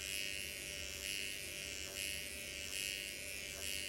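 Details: Microneedling pen used on own numbed facial skin (numbed 20 minutes) in horizontal and diagonal passes, with collagen and hyaluronic acid applied; steady high-pitched electric buzz with faint rise about once a second.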